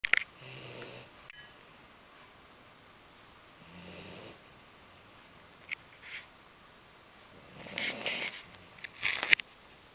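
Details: Three or four hissing, snorting breaths spaced several seconds apart from a 10-week-old American Bulldog puppy in deep sleep after a walk; snoring.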